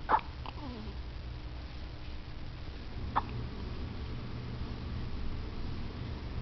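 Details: Person with hiccups, said to have been going on a long time, being soothed: two short, sharp hiccups about three seconds apart, the first followed by a brief squeak, over steady room noise.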